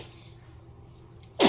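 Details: A 73-day-old baby girl during a half-body bath: quiet background, then one short, sharp infant sneeze at the end.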